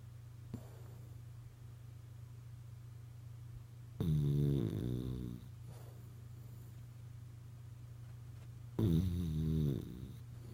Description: Ozzy the Frenchie snoring and dreaming